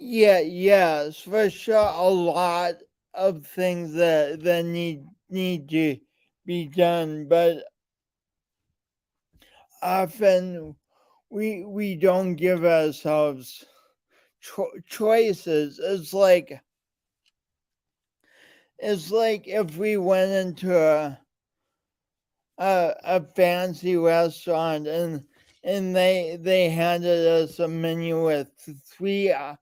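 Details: Man with a speech impediment present since birth and still ongoing, alongside lifelong coordination differences; speech impediment with disfluency.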